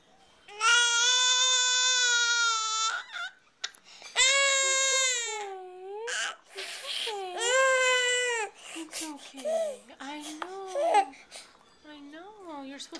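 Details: Infant crying after being startled by his father's laugh, recorded on a Flip Video camera: long, high, clear wails broken by catch breaths, then softer whimpers.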